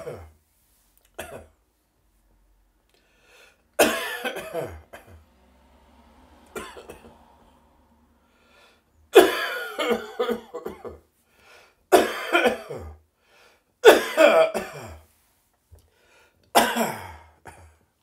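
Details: Adult morning productive cough in a small echoey bathroom: repeated coughs starting dry and harsh, becoming more phlegmy toward the end.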